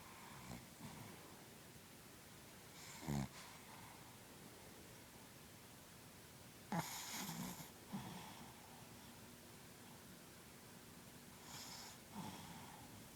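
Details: Sleeping dog (Fugs) snoring and dreaming: brief snorting breaths and soft snuffles at irregular intervals in a quiet room.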